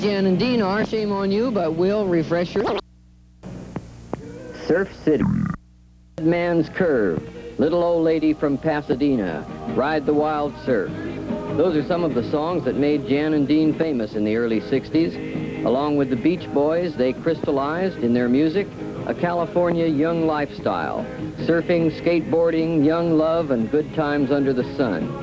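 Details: Adult male narrator; normal speech.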